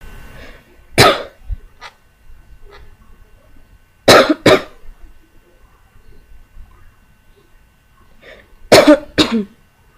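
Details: Lingering cough during recovery from an illness, with something still felt stuck inside: three bouts of sharp paired coughs a few seconds apart, with quiet breathing between them.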